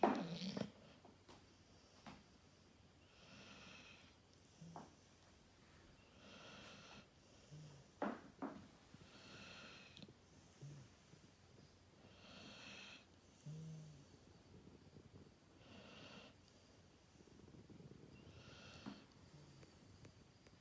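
Quiet, recurring nasal snorts and soft snores from a sleeping dog, roughly every three seconds, over faint room noise.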